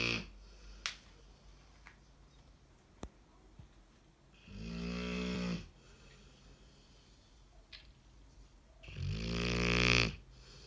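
Two long, harsh, rattling snores about 4.5 seconds apart, with quiet breathing and a few faint clicks between. Dog snoring.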